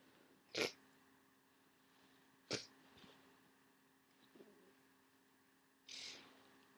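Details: Sneezing fit on waking: three sharp, explosive sneezes within about six seconds with a soft sniff between them, over a steady room hum.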